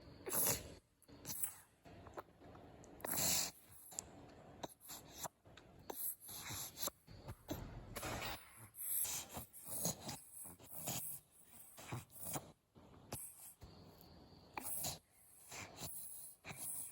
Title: My mother's kitten wheezes while nursing. #singlemom